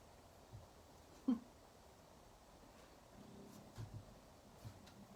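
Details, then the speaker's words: Faint, low gurgling rumble of the speaker's stomach growling in a quiet room during a live painting class. "i hope you didn't hear that that was my stomach growling"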